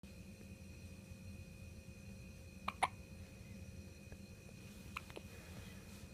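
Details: Newborn infant, age 0 months, hiccuping: two brief, sharp throat catches over a steady low hum of room noise; hiccups.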